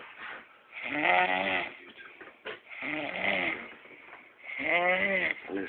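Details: Grandma asleep on Christmas after eating a big meal, giving loud, rattling snores on each in-breath, three over about six seconds, with quieter breath sounds between them; snoring.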